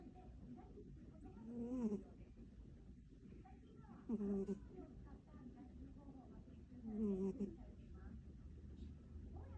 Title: 2022史諾_愛睏貓 Sleepy cat_snoring